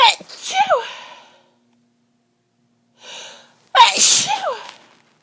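Two loud, voiced "ah-choo" sneezes about four seconds apart, with a sharp breath in before the second: a sneezing fit.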